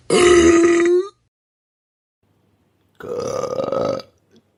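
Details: Sound-effect compilation of burping: two loud, drawn-out voiced belches about two seconds apart, separated by silence.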